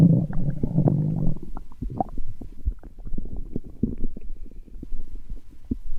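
Deep, loud gurgling rumble that settles into softer bubbling and popping gurgles: ordinary stomach growling from gas and fluid moving through the gut.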